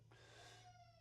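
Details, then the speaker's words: Baby crying in the background, being cared for: a single drawn-out, high wailing cry, faint and distant, over a steady low room hum. "You can hear the baby crying. My wife has uh taken care of her."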